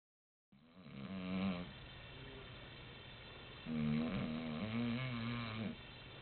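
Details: Loud, rattling snores from a sleeping adult man (the father), two long breaths with a quieter breath between: snoring.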